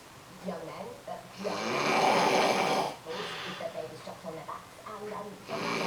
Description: This is my hubby snoring.. this is quite quiet for him.. the tape ran out before he manage to reach a full on snorefest..lol